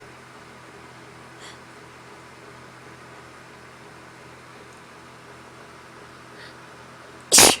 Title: Sneezing Again